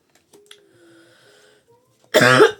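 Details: Ill, exhausted woman speaking, with throat clearing; faint throat sounds, then one loud, harsh cough burst: cough during illness.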